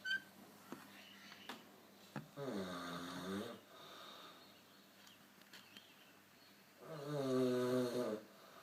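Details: Two loud, rough, vibrating snores on the in-breath with quiet breathing between them, ending with a little fart.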